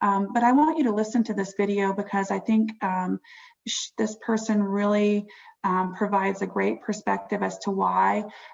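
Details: Adult woman speaking; Normal speech.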